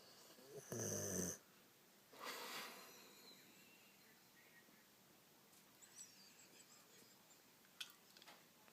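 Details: A female sleeping after a rough day: one loud rattling snore, then a softer breath in a quiet room; ordinary snoring.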